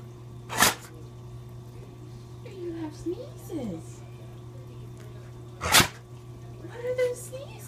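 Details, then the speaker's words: Two sharp, explosive sneezes a few seconds apart from Capone, with soft animal sounds between, in a quiet room with steady hum; sneezing. "What are all those sneezes about? Why do you keep sneezing? Are you okay?"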